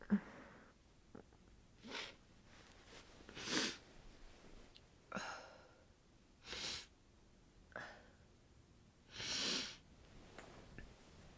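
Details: Repeated sneezing: about seven soft sneezes and sniffs muffled into a down comforter while in bed. The nose is sensitive after being out in freezing, windy winter weather, and the person fears coming down with a cold.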